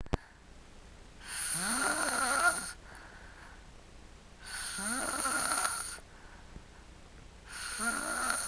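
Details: Sleeping and snoring: three loud rattling, whistly snores on the in-breath with quiet pauses between, about 20 breaths a minute.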